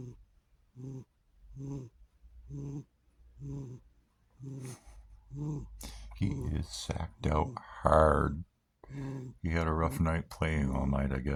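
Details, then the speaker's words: Sleeping cat snoring on a relaxing afternoon: rapid, regular soft rasping snores, one per breath, followed by a person talking over them. "This is proof the cats snore."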